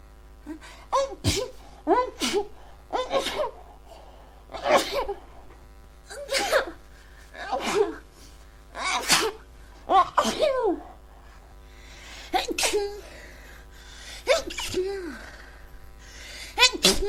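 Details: Person with a cold: about a dozen sharp sneezes in quick succession, each with a brief intake of breath before the burst; congested cold sneezing.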